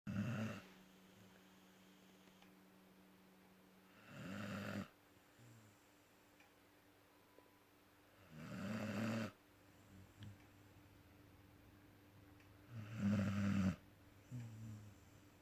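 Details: Rough, rumbling snores about every four to five seconds, roughly 14 breaths a minute, with softer snuffles between: snoring.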